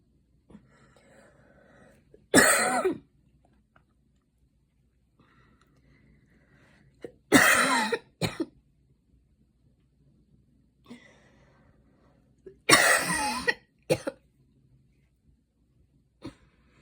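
Three harsh, loud cough bursts with short follow-up coughs, separated by quiet pauses, after running.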